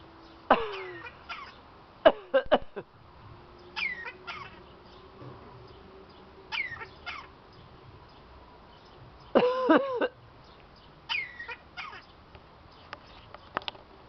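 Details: Several short, harsh cough-like bursts between chirps and whistles from a parrot coughing or imitating a cough.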